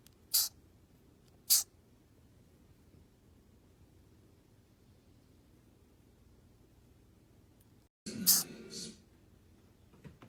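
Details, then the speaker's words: Baby opossum old enough to leave the pouch, separated from its mother, making the sneeze-like call young opossums use to signal her. Short, hissy sniffling bursts. Recorded at a wildlife rescue and rehab. "if separated baby opossums will make a sneezing noise to signal their mother to me it sounds more like sniffles"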